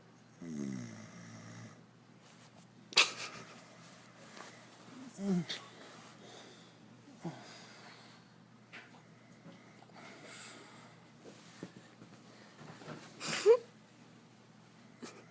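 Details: Sleeping adult snoring: irregular snorts and short rattling snores separated by quiet pauses in a quiet room.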